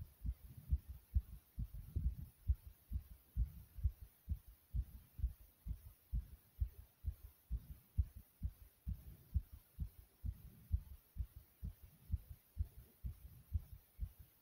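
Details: Own heartbeat recorded after various exercises: rapid, regular low thumping at roughly 130 a minute; fast heartbeat after exercise.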